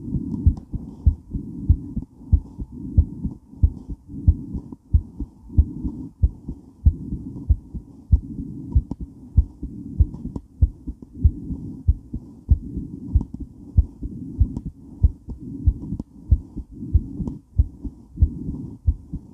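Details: Female heart recorded during and after weight training while moving: strong, pounding regular heartbeat about 95 a minute with movement noise and heavy breathing; exercise tachycardia.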